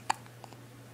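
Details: Baby girl in the morning: a single sharp, abrupt hiccup followed by two faint softer sounds, which the parent says were not a hiccup but a fart, against a steady room hum.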